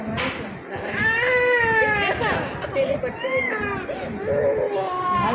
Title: cute baby girl crying for injection ll